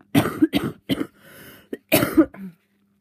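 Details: Person with a cold and a very blocked nose coughing: a run of several quick, harsh coughs with a brief in-breath between, then a short throat-clearing.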